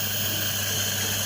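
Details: Child receiving hospital steam (nebulizer) therapy to relieve cough: steady hissing hum of the nebulizer delivering mist for inhalation, with no breathing or voice audible.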